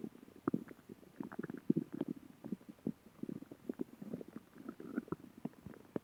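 Irregular gurgling and bubbling rumbles from the belly, ordinary stomach growling from gas and fluid moving through the gut.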